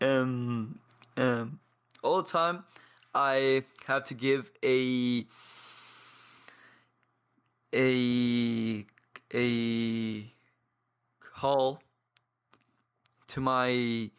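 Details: 22-year-old man from Paraguay who has stuttered for as long as he can remember and trains daily with a community of stutterers; blocks and long pauses between words; stuttering.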